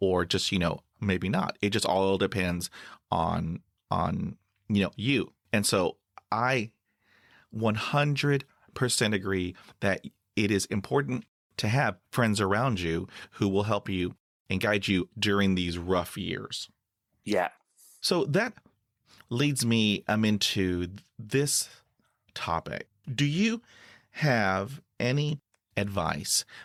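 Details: Stuttering in a 49-year-old adult male who reports severe blocks with eyes closing and breathing stopping; this stretch has part-word and whole-word repetitions, real speech.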